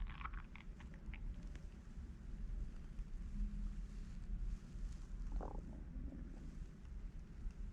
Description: This is my hunger sound.